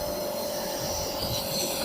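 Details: Compressor nebuliser being demonstrated for a child's cough and cold, turning liquid medicine into mist: steady rough mechanical hum and rasp while running.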